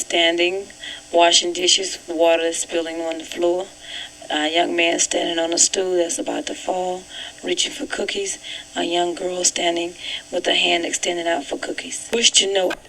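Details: 62-year-old woman with vocal fold nodules; hoarse, breathy, strained voice, overall severity just above moderate, mildly affecting loudness; she reports straining to voice all the time.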